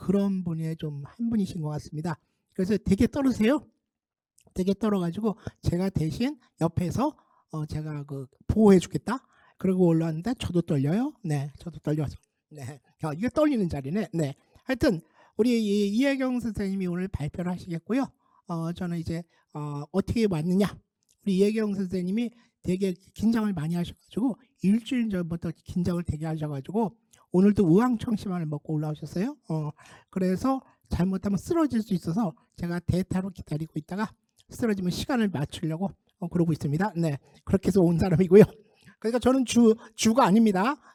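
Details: Adult speaker; Typical speech.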